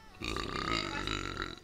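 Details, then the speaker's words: Female streamer with a single sustained, rumbling voiced belch lasting over a second; loud burp. "you're going to get belching you're going to get burping that is a gall bladder problem"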